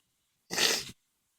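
A single loud, abrupt, hissy sneeze lasting under half a second; a cold sneeze.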